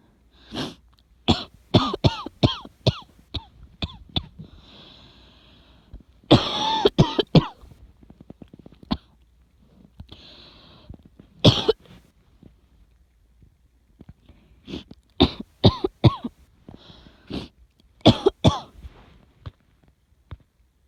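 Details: Repeated coughing in bouts with harsh bursts and hoarse intakes of breath between them; asthma cough, possibly linked to pneumonia.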